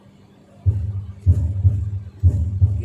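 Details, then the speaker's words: Heart sounds near 60 a minute with a harsh systolic murmur from left ventricular outflow obstruction, heard between left sternal edge and apex, resembling aortic stenosis: hypertrophic cardiomyopathy murmur. "again this is large something like aortic sciences now how would you differentiate it from every stenosis that its location will be different"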